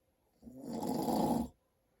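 One long, harsh, rattling breath lasting about a second; a typical snore.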